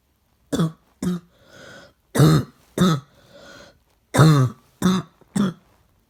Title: Coughing #1